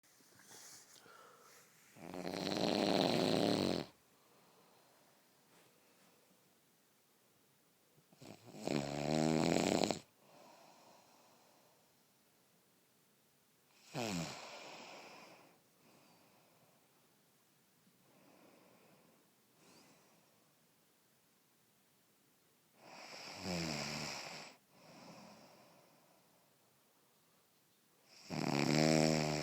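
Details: Sleeping cat snores in loud, rattling bursts every several seconds, with quiet breathing between them; snoring.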